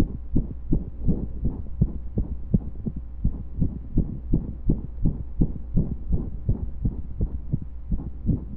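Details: Heartbeat recorded during pressure and breath holds: fast thumping beats, about 80 a minute as paired sounds, mostly regular, with an occasional skipped or irregular beat, over a low hum.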